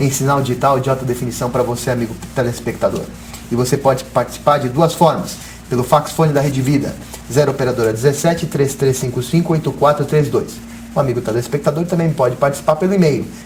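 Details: Adult male television presenter; Normal fluent speech.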